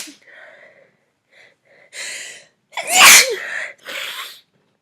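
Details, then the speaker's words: Young woman who has been sneezing all day and is stuffy, tired and achy; she suspects a cold rather than allergies. Breathy buildup, then a loud explosive sneeze and a smaller follow-up burst. "I've been sneezing all day and I don't think it's allergies. And I don't think it's allergies. I think I'm getting sick."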